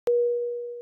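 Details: Simulated patient monitor tone from an iPhone/iPad simulation app.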